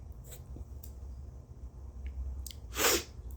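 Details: Few sniffs, then a single forceful sneeze after tickling the right nostril with a turmeric-dusted Q-tip while severely congested, during attempts to force a sneeze attack.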